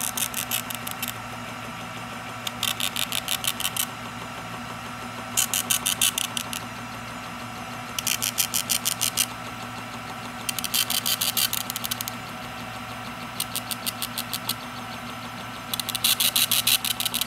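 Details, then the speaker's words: Built-in printer of an OSM100100 freezing point osmometer printing single-test osmolality results onto a sheet: repeated bursts of rapid high-pitched buzzing clicks with pauses between. "you have the option to save into the system and also to print out the results onto this sheet here"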